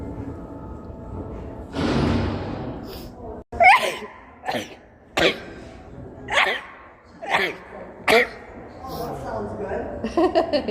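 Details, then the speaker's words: A person sneezing, attributed to allergies: a series of about six sharp, explosive sneezes with brief breaths in between; repeated sneezing. "I sneeze more than that. Allergy. Allergies."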